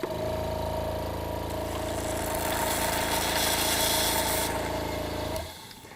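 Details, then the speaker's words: Steady loud motor hum and a rushing, gurgling draw of water that stops abruptly, as a hospice suction machine is cleaned by running its Yankauer and long tubing through a warm glass of water until it is empty. "place the yonk hour into the warm glass of water turn on your machine and let it run all the way through emptying the glass of water"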